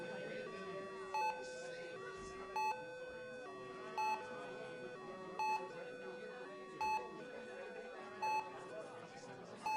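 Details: Intensive care unit ambience: regular electronic patient monitor beeps, about 42 a minute, over soft hospital background noise and distant chatter.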